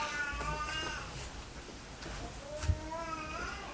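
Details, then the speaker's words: Infant (the speaker's son) crying in the background: thin, wavering wails over low room noise. "Si vous entendez un bébé pleurer, c'est son fils. ouais, c'est mon fils qui pleure."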